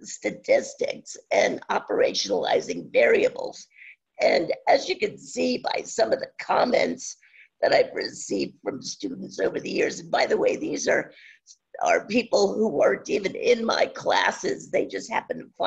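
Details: Adult woman with spasmodic dysphonia, no cure, onset around 2010 and progressively worsening; awaiting a postponed Botox injection; scratchy voice; spasmodic dysphonia.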